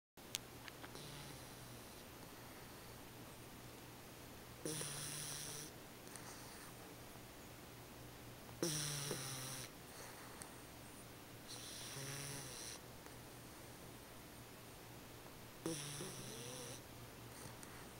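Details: Sleeping puppy snoring loudly during a nap: soft snorting snores roughly every 3–4 seconds against steady room hum; ordinary snoring.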